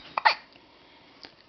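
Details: Baby held by her father: short, sharp catch-like sounds, two close together then one more a second later; hiccups.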